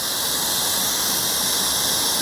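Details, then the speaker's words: Plasma pen in dot mode on a woman's neck for lax-skin tightening, after secondary numbing cream wiped off: steady high-pitched hiss. "And now I'm going to do the dot work to cause the tightening."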